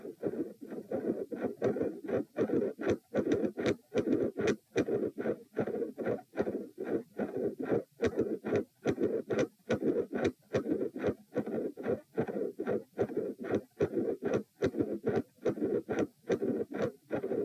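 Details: Loud, bouncy midsystolic murmur, regular heartbeat about 73/min, with 3 and 4 heart sounds, recorded at position p lying down during provoking manoeuvres: first attempt at an effective Valsalva, producing different sound patterns.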